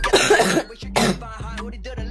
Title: Girl Coughing 317